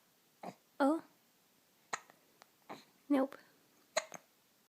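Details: Morning hiccups in someone wearing a bunny hat, with grunting: six short, sudden voiced catches at uneven gaps, some with a brief vocal squeak, in a quiet room.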